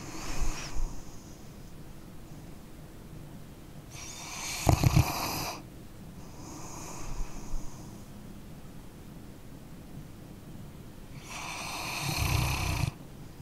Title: {ASMR} Dog Snoring Sleeping Canine- 1 Hour Dark Screen Tingle Sounds Sleep Relax Study (NO TALKING)